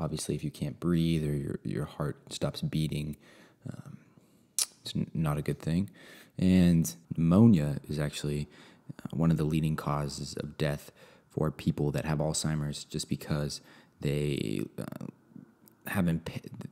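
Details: Adult male speaker; normal speech.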